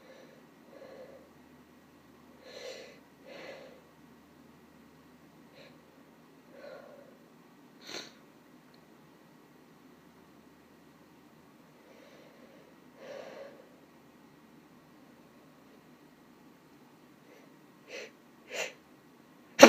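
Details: Female deliberately holding back sneezes, with little success: repeated soft, muffled nasal bursts and snorts with quiet pauses between them.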